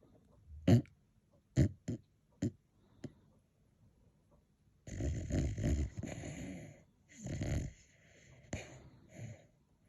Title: Max snoring #dog #sleepydog ￼